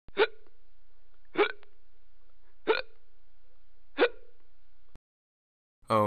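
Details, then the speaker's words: Hiccups in a comedy sketch about someone getting the hiccups; four sharp, evenly spaced hiccups about every 1.3 seconds, each a brief voiced catch, followed by an apology for having the hiccups. "sorry about that i have the hiccups hey don't worry about it it's just the involuntary contractions of your diaphragm it's completely natural"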